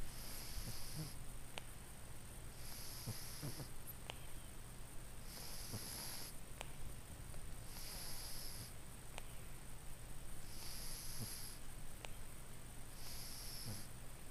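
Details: Older Cornish Rex cat with respiratory issues, sleeping, breathing in through nose and out through mouth: soft, regular snoring breaths over steady low room hum; snoring.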